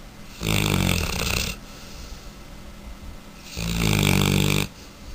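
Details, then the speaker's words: Mastiff puppy snoring with its eyes open: two loud, deep, rattling snores about three seconds apart, each on an in-breath; heavy snoring. "Snoring bastard! Nico, wake up! You snore with your eyes open."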